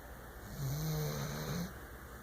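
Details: Snoring: one low, rattling, drawn-out snore over steady room noise.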